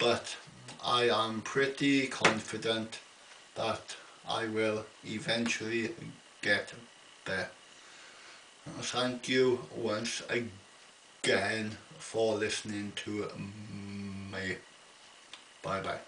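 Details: Adult man with an ongoing stammer, attending a weekly speech therapy group: stuttering.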